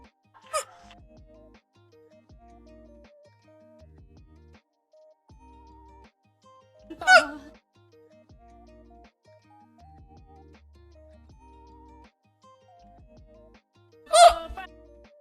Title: Hiccups. Someone please stop me!